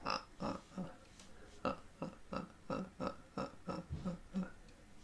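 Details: Man with severe Tourette syndrome, raven/crow-like vocal tic episode lasting two to three hours, hurting his throat and leaving him unable to talk; vocal tics (Tourette syndrome).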